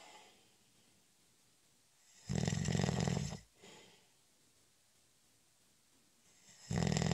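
Deep, raspy snores about four seconds apart, each followed by a soft exhale, in a quiet room; snoring during sleep.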